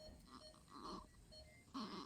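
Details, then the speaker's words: Premature neonate with respiratory distress syndrome, waiting for an NICU bed, with nasal flaring and on insufficient oxygen support by head hood: short, soft, voiced grunts with each exhalation over steady monitor tones, i.e. expiratory grunting. "Quiero que escuchen ese ruidito, ese es el quejido, el quejido."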